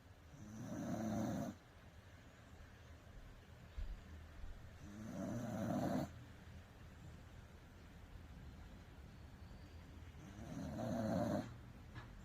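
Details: Welsh Corgi dog snoring while sleeping after a bath: three loud rattling snores on inhaling, roughly 11 a minute, with quiet pauses between.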